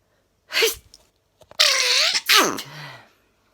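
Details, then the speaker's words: Person sneezing at bedtime, unaware at first of sneezing: sharp in-breath followed by two forceful explosive sneezes with a trailing voiced sound; a plain sneezing bout. "actually i felt like swearing because i was sneezing didn't even realize i was sneezing"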